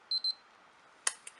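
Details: Nexus Gluco RX blood glucose meter on daily home fingerprick testing after hospital stay: two short high beeps, a pause, then a click as the meter counts down before showing the reading.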